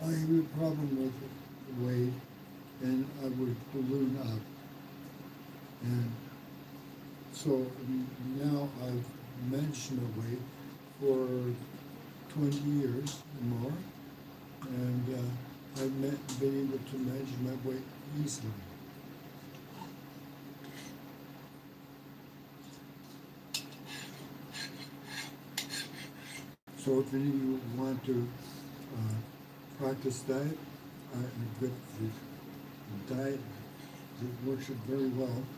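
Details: Aphasia after mild stroke in a man 115 days after onset, during self-therapy; word-finding pauses and repetitions.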